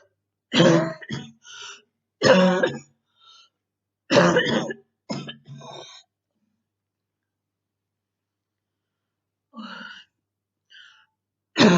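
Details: Girl with what she describes as very hard bronchitis, in quarantine: repeated harsh, chesty coughs and throat clearing in bouts.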